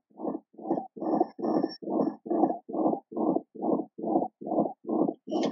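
Simulated infant heart: loud whooshing murmur with each beat at about 140 a minute, covering the first sound; tricuspid regurgitation from Ebstein's anomaly.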